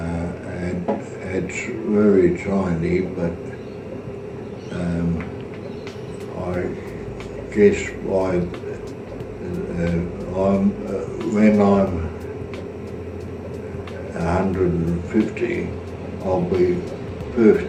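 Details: Aphasia with halting, fragmented utterances; said to improve slowly over time.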